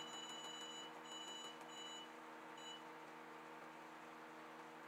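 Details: Rapid high-pitched pulsed beeps in bursts over a steady machine hum: a CO2 fractional laser machine firing in pulse mode, the mode used for laser cutting (pulse or continuous selectable, maximum power 60).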